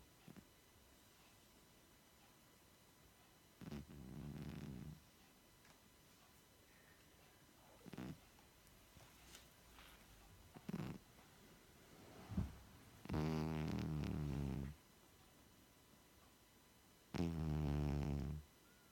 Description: This is our 16yr old cat lying on the sofa snoring, it's a cats life